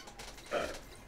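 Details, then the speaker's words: Pet cat snoring while asleep: a single brief, creaky, rasping snore against faint room hiss, which the owner says sounds like farting. "that sound it's Kitty I like every time when her snores sounds like she's farting"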